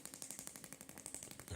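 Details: Shockmaster 300 Gymna shockwave therapy for grade 2 cellulite, 1.6 bar, 12 Hz, 20mm head, gel, on the back of the thigh in a radiator pattern: rapid, evenly spaced sharp pops at about 12 per second.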